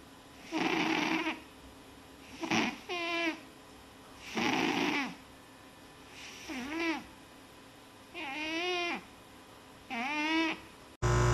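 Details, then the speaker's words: Six loud, rattling snores, some with a whistling squeak, separated by quiet pauses: a sleeping animal named Leo snoring. "Are you snoring, Leo?"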